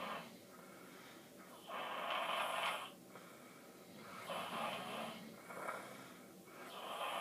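Repeated noisy, rasping breath sounds during sleep, roughly three cycles in seven seconds, with quieter pauses between; consistent with snoring.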